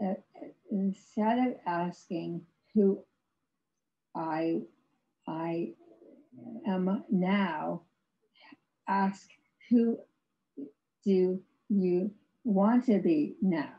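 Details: Non-fluent aphasia in an adult woman after a severe stroke in 2010, about 11 years earlier; she had no speech for three years and has ongoing speech difficulty, described as severe aphasia.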